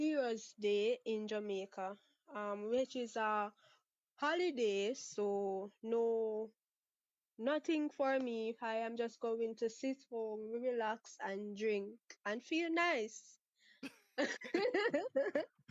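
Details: 23-year-old Jamaican woman who has stuttered since about age six, with father and sister who also stutter and no speech therapy ever; stuttering.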